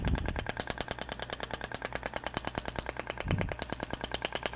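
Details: Rapid, rattling train of sharp pulses, a little under two a second, from a radial shockwave therapy applicator being moved (gliding) over the treated area, abdomen discussed; shockwave applicator firing.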